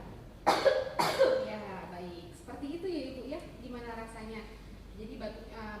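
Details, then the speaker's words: Voluntary effective cough by an adult woman coached by a nurse, to be done after inhalation therapy: three breaths (in through nose 4 s, hold 2 s, out through mouth 8 s), the third held 2 s, then two forceful coughs followed by soft talk. "Ibu, tadi sudah saya ajarkan ya terkait dengan batuk efektif. Nanti bisa ibu lakukan ketika setelah inhalasi."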